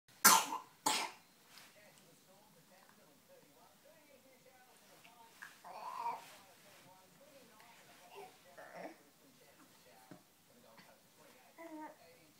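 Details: Child still coughing while playing in her cot in the morning: two sharp coughs, then softer vocalizing and babble in a quiet room.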